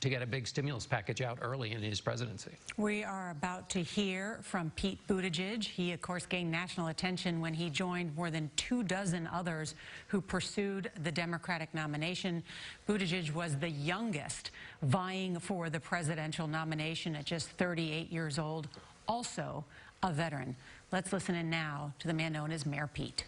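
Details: Adult news presenter; normal speech.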